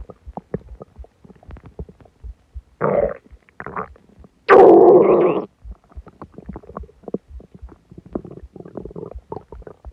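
Loud bubbly gurgles and clicks with a few long groaning rumbles. Stomach growling after a large meal and fizzy drink.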